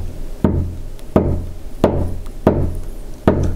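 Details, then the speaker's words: Teaching demo of manual auscultatory blood pressure with a mercury sphygmomanometer and stethoscope. Korotkoff sounds are regular low tapping thumps at about 95 a minute; the first sound marks systolic pressure and the last faint sound marks diastolic. "so typically we start off quiet very first sound that your systolic pressure"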